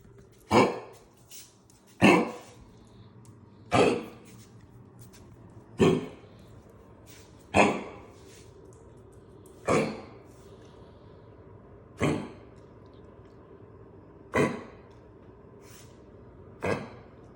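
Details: Dog coughing indoors, a series of short, harsh cough bursts roughly every two seconds; owner notes coughing stops as soon as he goes out the back door, cause unknown.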